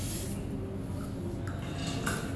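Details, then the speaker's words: Soft hiss of topical anaesthetic aerosol spray on the skin at the marked needle entry site beside the quadriceps tendon, before aspiration of a large knee effusion and intra-articular steroid injection. "now my sister will bring the spray to Anese this area so the sister will Anese this area"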